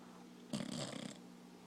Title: Bizzy (The Dog) Snoring